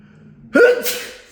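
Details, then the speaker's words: Person petting a cat sneezes loudly and suddenly: a single sharp voiced intake-and-burst followed by a hissing airy release, then says another sneeze is coming. "I had to sneeze. Sorry about that. Oh, I'm sorry. I gotta sneeze again."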